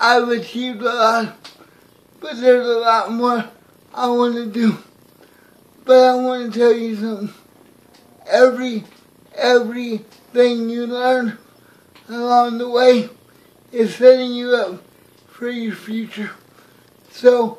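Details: Man with cerebral palsy; dysarthric speech (cerebral palsy).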